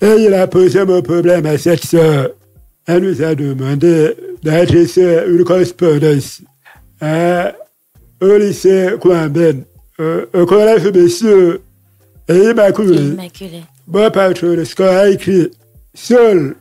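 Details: Deaf speech from a man who lip-reads and speaks French, with hearing loss caused by a childhood illness, which he says left his voice not normal.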